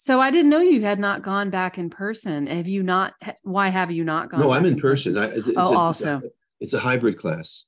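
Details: Two adults in conversation; normal conversational speech.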